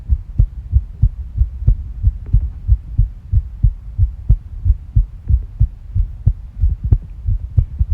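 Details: Stomach and heart sounds: tachycardia, the heart rate increasing. Fast, regular paired heart thumps at roughly 90 to 100 beats a minute.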